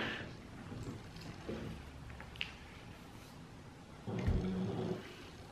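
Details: A pet dog snoring while asleep in the background of a quiet room: soft, low, rumbling breaths that rise and fall, an ordinary sleep sound.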